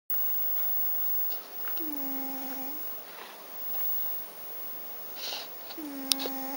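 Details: Soft, low snoring with a faint tone on each breath from a sleeping cat, in quiet room noise.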